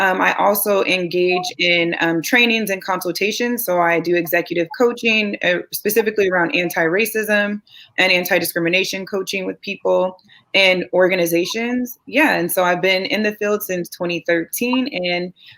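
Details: Adult woman speaking; Normal voice.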